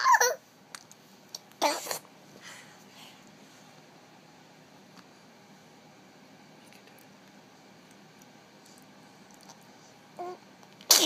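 A few short, sharp bursts from an infant, fitting small sneezes, separated by long quiet stretches.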